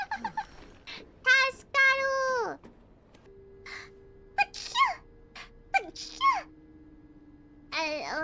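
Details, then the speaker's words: Three sharp, high-pitched sneezes in quick succession, each with a falling voiced tail, from a person who says they are very allergic today, over soft background music. "excuse me very allergic today yeah very allergic today so you'll get even more sneezes"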